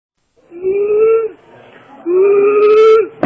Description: Inspiratory Stridor of carcinoma larynx patient , Patient was immediately undergo for Tracheostomy operation & pt get relieved from breathlessness at Chittagong medical college .